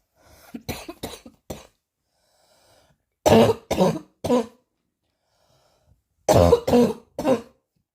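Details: Hard, repetitive coughing: three bursts of harsh, forceful coughs, about eleven in total, with quiet pauses between bursts.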